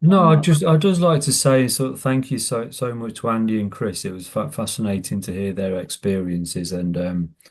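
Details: Adult who stammers and runs a stammering self-help group; stammering.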